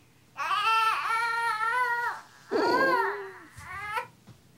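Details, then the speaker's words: A young baby with breathing difficulty, seen by a GP, cries in strained, drawn-out wails with catches. The baby is forcing each breath, with recession beneath the ribs on inspiration. Finding: crying infant with breathing difficulty. "So, Mum, when I'm having a look at his chest, I can see what you mean. He really is struggling with the breathing, actually. Yeah. So he's sucking in underneath his rib every time he's breathing in."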